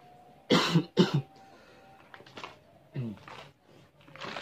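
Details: Two sharp cough bursts from an adult, then softer sounds, after eating spicy instant seblak noodles that made them cough; faint room noise with a steady background tone.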